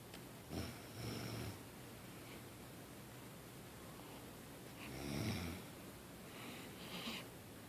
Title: Night dad snores